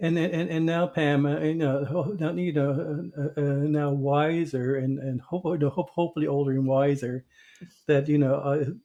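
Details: Stuttering in an adult host who was a covert stutterer for many years.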